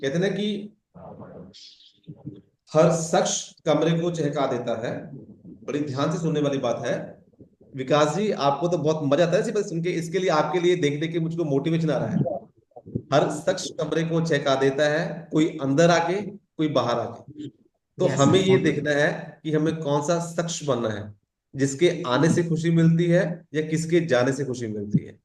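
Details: Adult male speaker; normal fluent speech.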